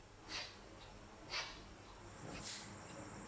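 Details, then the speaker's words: Three short puffs of air escape from the valve as a newborn resuscitation bag is squeezed with its outlet closed by the palm, a pre-use equipment check in a training-doll demonstration; bag-valve-mask function check. "devez sentir de la pression sur votre main voir le sac se regonfler et entendre l'air s'échapper de la valve et de détente"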